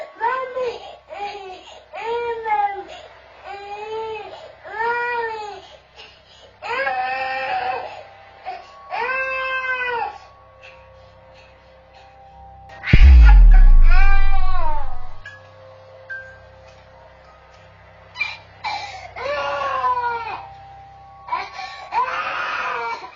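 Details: Infant boy crying at night, caught by a home camera in a small room: rhythmic, repeated wailing cries with a loud low thud partway through; infant cry.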